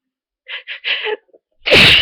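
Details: Person with a very bad cold, sneezing all day: a few quick catching breaths build up, then a sharp, forceful sneeze; sneezing fit.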